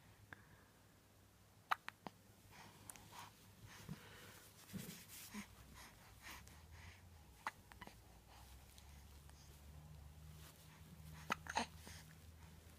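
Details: Florence hiccuping: several short, sharp hiccups at irregular intervals over quiet room hum, with soft breathing between, after an attempt to scare them away.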